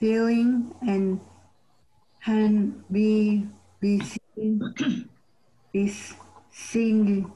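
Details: Member of a community group for people with aphasia and other neurogenic communication disorders after stroke or brain injury; own diagnosis not stated, presumed aphasia.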